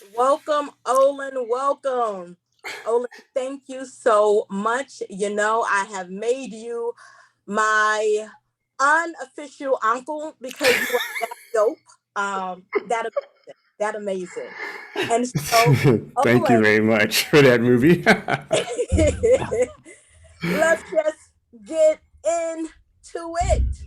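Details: Stuttering in a female seminar host who describes herself as a stutterer and says she will stumble over words during the seminar.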